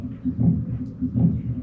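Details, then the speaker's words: Pericardial friction rub of pericarditis, heard with the stethoscope diaphragm at the left sternal edge while the patient sits up: scratchy, leathery sounds repeating with each heartbeat, about 78 a minute. "What they'll do is they'll listen for the pericardial friction rub. It's a good indicator of pericarditis. And if you want to listen for it, you place the diaphragm of the stethoscope over the left sternal edge while the patient is sitting up."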